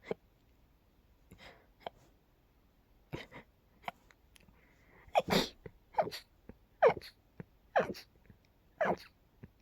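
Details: A super-rapid run of short, quiet, stifled sneezes, about one a second toward the end, with small catches of breath between, after dusting by an open window with pollen and dust about: sneezing fit.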